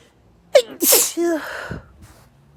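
A quick in-breath, then one forceful, explosive sneeze with a voiced trailing cry. A single sneeze.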